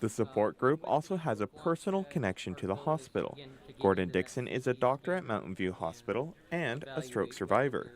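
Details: Adult male news reporter; Typical speech.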